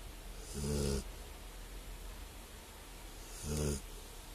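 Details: Dog taking a nap: two low, rattling snores about three seconds apart over a faint steady background hiss; snoring.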